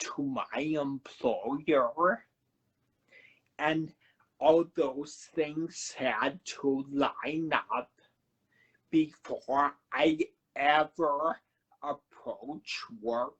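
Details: Man who had a cerebellar stroke at age 35 in September 2013, initially unable to talk, with a paralyzed vocal cord and aphasia mentioned; dysarthria with dysphonia.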